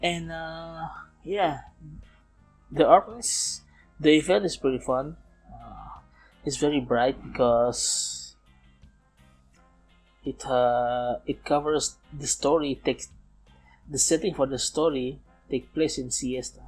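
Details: Man approaching 31, non-native English speaker, self-described as still stuttering, speaking English in a self-recorded podcast made partly to train his English; stuttering.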